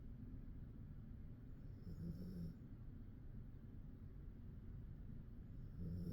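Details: Male dog sleeping: low, steady rumbling breath noise with a couple of louder snorting peaks; snoring.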